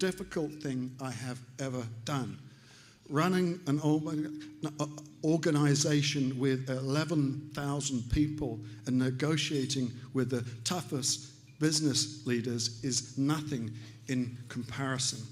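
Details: Adult man, stroke survivor about three years post-stroke, still relearning to speak; recovering aphasia with nonfluent features.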